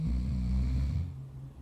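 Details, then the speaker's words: Amateur short film, acted scene: a sleeping person snores while a partner says she denies snoring; staged snoring. "Madem horlamıyorsun. Al bakalım. Bir de horlamıyorum diyor."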